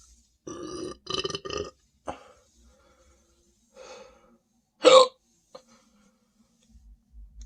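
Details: Person standing and drinking more Sprite, stomach feeling very full and tight: several voiced belches in quick succession, then a single louder burp and a few softer ones.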